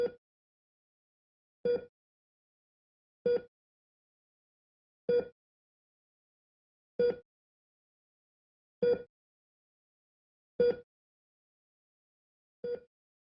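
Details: Simulated hospital-style ECG monitor sound effect: sharp electronic beeps repeating steadily about once every 1.8 seconds (about 33 a minute) over silence.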